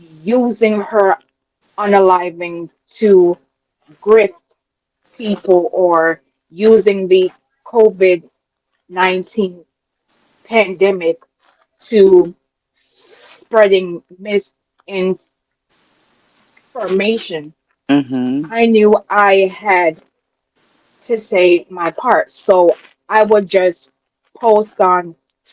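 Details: Adult woman with a self-reported, audible speech impediment she calls her "disability"; real speech: speech impediment.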